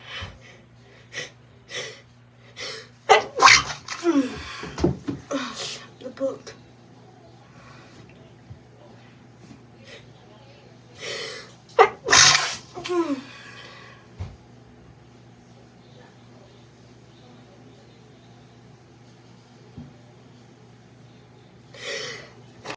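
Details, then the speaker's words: A run of sharp sneezes and snorts with sighs and brief apologetic speech between them, while reading a story aloud; repeated sneezing. "I ask Grandma, [snorts] [snorts] she asked grandma not to not to call her by her real name."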